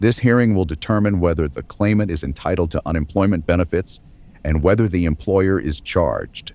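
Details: Adult male voice, acted; normal speech.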